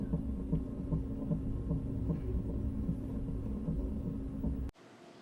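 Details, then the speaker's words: Fetal monitor in pregnancy with degenerating fibroids causing contractions; fetal heart rate 152: rapid rhythmic whooshing pulses about 150 a minute, ending abruptly. "This one's her heartbeat, this one's my contractions. 152 is hers, 22 is my baby. No heartbeat right now. There she is. He's swishing around."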